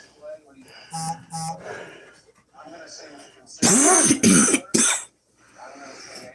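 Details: Cough during a cold while doing a pushup workout: strained vocal sounds and breathing, then three loud harsh coughs in quick succession.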